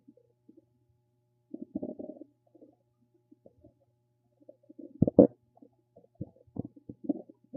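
Irregular gurgling and bubbling rumbles in quick clusters between quiet gaps, typical of ordinary bowel sounds.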